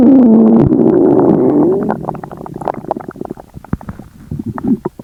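A long, loud, groaning rumble breaks into rapid bubbling and crackly gurgles: very active bowel sounds from an upset stomach.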